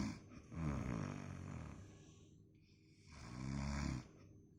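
Two long, deep rattling snores on inhaled breaths in a quiet room, with a pause between them.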